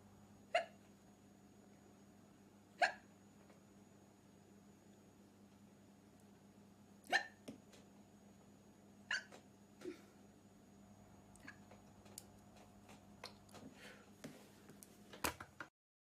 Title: black dress girl seducing hiccups ❤️